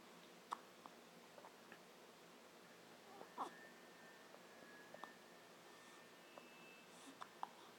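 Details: Brief sharp gulping catches recurring every few seconds in a quiet room, with small clicks between them: hiccups.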